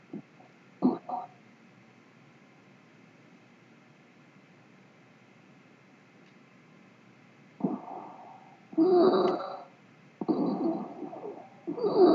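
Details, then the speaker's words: Respiratory sound example in a lecture on upper airway narrowing: harsh, noisy breaths with a whistling edge after a quiet gap, the patient visibly struggling to breathe; stridor. "스트리드 같은 경우에는 에어 웨이가 이렇게 뻥 뚫려 있어서 어 이렇게 에어가 라미나 플로어로 잘 흘러가야 되는데 뭐 여러 가지 이유로 어 트라키오 스톰이 했었던 스카 또는 인튜베이션 어 바루에 의한 스카이에서 스테노시스 생긴다든지 뭐 튜머 또는 여러 가지 티비와 같은 또는 포린 바디와 같은 문제 때문에 좁아지는 경우에 이런 소리가 나게 되"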